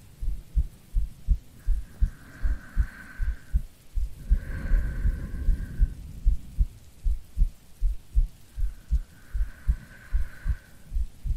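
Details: Steady low thumping heartbeat, about 80 a minute, from an ASMR creator playing a sleepy girlfriend, recorded as a sleep aid with soft rain and a faint hum behind; heartbeat.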